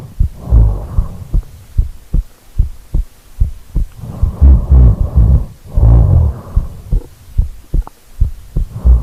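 Loud, low rumbling snores with each breath in, between quieter breaths out, about seven breaths a minute, with repeated soft thuds in the background.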